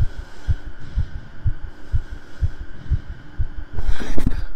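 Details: A streamer's own heartbeat picked up by a microphone during an ASMR stream, regular low thumps at about 120 a minute with a burst of noise at the end; the streamer says it is beating hard, with two normal pumps then two hard ones; a normal heartbeat.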